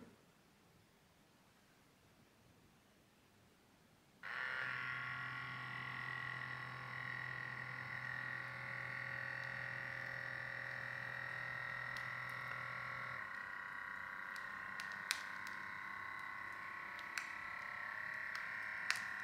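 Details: Sanitas SBM 47 automatic upper-arm blood pressure monitor: quiet, then steady motor hum as the cuff inflates, shifting to a softer tone with faint clicks as it measures and releases; reading 133/84, pulse 87.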